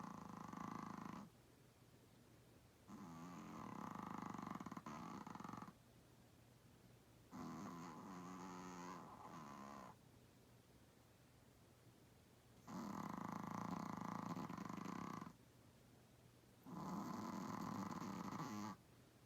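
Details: 8 lb Chihuahua-Pug mix dog: loud, rough, fluttering snores lasting one to three seconds each with quiet pauses, five in about nineteen seconds; snoring.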